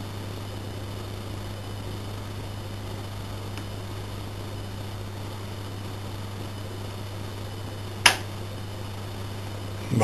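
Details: Lock picking, not dentistry: picking a TESA T10 multi-pin cylinder lock, steady room hum, then one sharp click near the end as the upper third pin sets.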